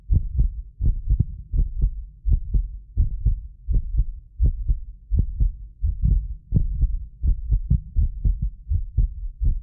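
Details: Heartbeat of a self-described medically fit person, recorded with more than six precision contact microphones; regular paired low thumps about 83 a minute, occasional doubled click from the roughly 6 ms microphone delay, not the heart; normal heart sounds.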